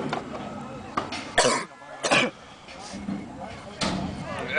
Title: coughing and laughing